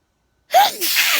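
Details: A single sneeze, recorded sitting outside on a summer night just before bed: a sharp rising intake of breath followed by a forceful hissing burst.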